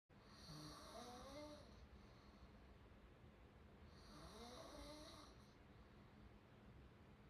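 Two long, rough, open-mouth snoring breaths about four seconds apart over steady background hiss; ordinary snoring.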